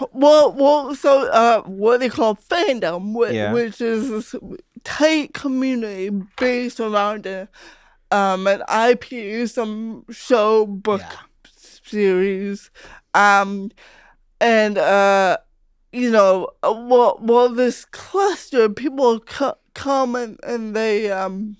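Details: Adult female comedian who grew up with cerebral palsy, her speech noticed as different by age five; real conversational speech with hesitations, repetitions and fillers; dysarthria (cerebral palsy).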